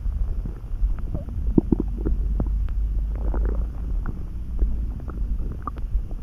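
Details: Stomach rumbling (borborygmi) that came on suddenly, neither hungry nor too full, felt in the pit of the gut and easing after a snack: continuous low rumbling with scattered small gurgles and squeaks over a steady low hum.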